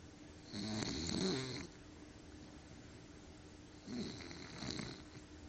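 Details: Bulldog snoring: two rattling, snorting breaths a few seconds apart, loud snoring through a short, narrowed airway.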